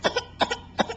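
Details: Recorded with a Flip Video camcorder during breakfast: three quick, harsh cough bursts, each with a short follow-on sound; a forceful, bad, nasty-sounding cough.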